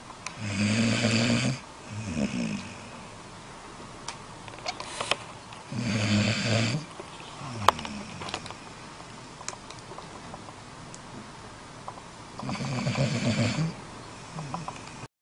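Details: Three loud, rumbling snores on breathing in, spaced several seconds apart with quiet breathing between them; snoring.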